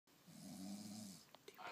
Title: My husband snoring part 4. #snoring #tired #sleepy #bed #cantsleep #smh #fedup